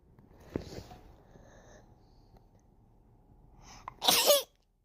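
A quiet inward breath and build-up, then one loud, explosive, hissing sneeze; an unusual-sounding sneeze.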